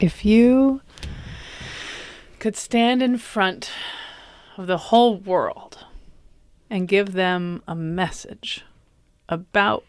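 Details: Adult male comedian whose stutter began at age 20 after a softball struck his throat and he hit his head, causing a minor vocal contusion and a major concussion; acquired stuttering.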